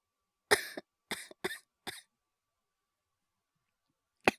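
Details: Four light dry coughs in quick succession, then one more after a pause, acted by a voice actor imitating a young boy with a cold; simulated coughing.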